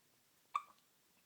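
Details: Hiccups, described as cute-looking and cute-sounding.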